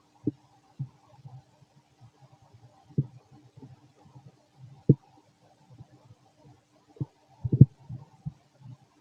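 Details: Fit male, stomach growling while digesting: irregular low gurgles and deep thuds over a quiet background; very loud normal borborygmi.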